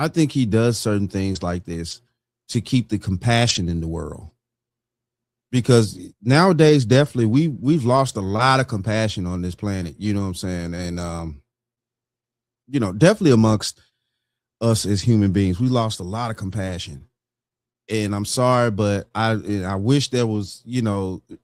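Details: Adult man speaking; ordinary speech.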